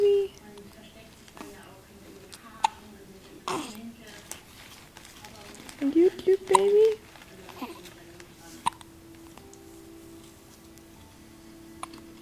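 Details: Baby with hiccups in the dark: a few short, sharp hiccup catches with soft baby vocal sounds in a quiet room with faint background noise. Infant hiccups.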